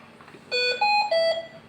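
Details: Hamilton C-3 mechanical ventilator: three clear electronic alarm tones in a descending sequence over room noise; ventilator alarm.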